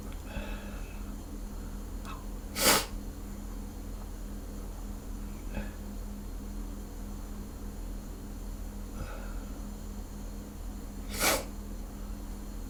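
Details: Two loud, abrupt sneezes about eight seconds apart from an adult with a hangover, just before a shower, over steady room hum; sneezing.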